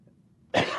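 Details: Brief quiet, then one sudden explosive burst of noisy air from a person: a single cough, cut off at the end.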